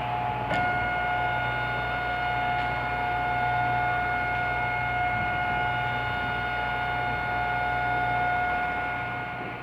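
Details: Homemade DIY mechanical ventilator ("Poor Man's Ventilator V-1") running continuously with a steady motor whine and hum, without clear breath cycles; mechanical ventilator operating sound.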